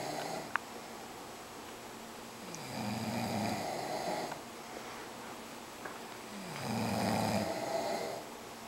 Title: Sleeping & Snoring